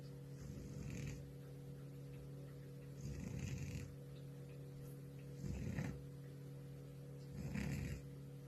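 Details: An old cat in deep sleep gives four soft, rumbling snores, about 26 a minute, over a steady low electrical hum: snoring.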